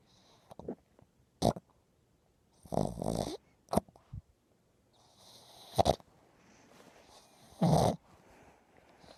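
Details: Small dog sleeping: irregular snorting snores and nasal snuffles with quiet gaps between them; snoring.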